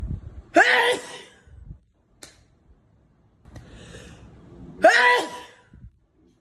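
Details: Sneezing fit: two sharp, explosive sneezes about four seconds apart, each preceded by a quick intake of breath, with quiet room noise between.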